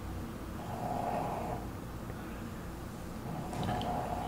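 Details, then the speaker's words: Two soft, low droning breaths about three seconds apart over quiet room noise: a sleeping pet snoring in the background. "well now we are going to try the limited edition as you can hear rockefeller snoring in the background limited edition salted caramel brownie oreos"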